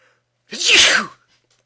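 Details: A single loud, explosive sneeze with a voiced onset and a forceful hissing burst of air, lasting under a second; an ordinary sneeze.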